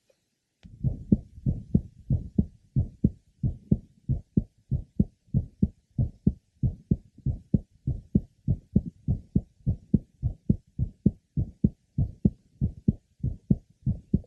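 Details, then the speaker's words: Woman in the last trimester of pregnancy with a typical innocent grade 2 short mid-systolic murmur of pregnancy, heard at the third left sternal border, pulmonic area and aortic area. "our patient had a typical grade 2 mid systolic short murmur and was heard over the third left sternal border pulmonic area and aortic area"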